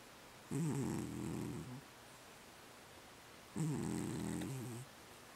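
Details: Sleeping pet snoring during REM sleep: two long, buzzing snores about three seconds apart, each lasting over a second, with a quiet room between; ordinary snoring.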